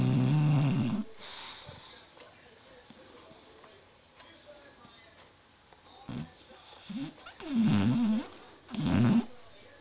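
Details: Female sleeping and dreaming: several short, buzzing snores of uneven strength separated by quiet gaps; snoring.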